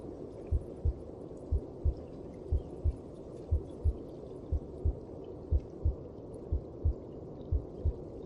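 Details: Maternal heartbeat as heard inside the womb in the mother's belly: steady, muffled paired beats at about 60 per minute over a low whooshing hum.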